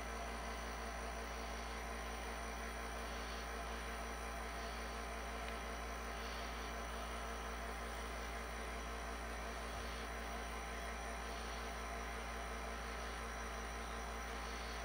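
A steady, unbroken low mechanical hum with a faint airy hiss, the continuous sound of a nebulizer compressor running.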